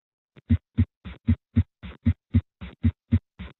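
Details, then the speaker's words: Regular low heart sounds at about 77 a minute with an extra merged filling sound, like a horse's legs galloping. Summation gallop: third and fourth heart sounds fused into one sound, as occurs at rapid heart rates. "في ناس بقى سميشن جالب اللي هو في الرابيد هارت ريت ممكن الاقي كمان ثيرد هارت ساوند وفورث هارت ساوند بيتسمعوا كوان ساوند، هيبقى ساعتها ده اسمه سميشن اللي هو زي الرجلين بتاعت الحصان بقى برضه."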